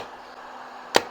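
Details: A single sharp, loud crack over quiet room noise, a pulse fired from a shockwave therapy machine handpiece, marketed for erectile dysfunction treatment, demonstrated after selecting a program and pressing the handpiece power switch.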